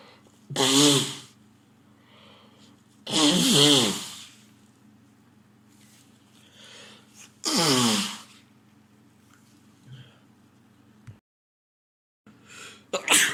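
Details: Man sneezing repeatedly at home; girlfriend suspects he may be getting a cold again. Three loud sneezes in quick succession, each a sharp voiced burst, quiet room noise between: sneezing.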